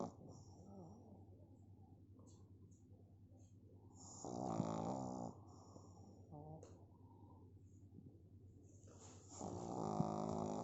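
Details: Sleeping pug snoring: quiet breathing broken by loud, rattling snores on inhalation, with softer snuffling between.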